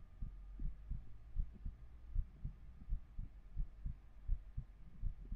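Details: Soft, regular low thumps of a heartbeat at roughly 80 beats a minute with faint room hum, recorded with a 3Dio binaural microphone during an ASMR stream.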